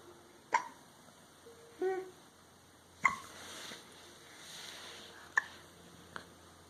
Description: Trying to talk through hiccups is confusing.